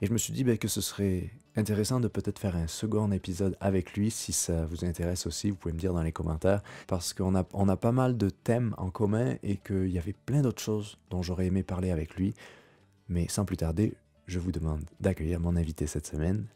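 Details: Adult male speaker; Normal voice.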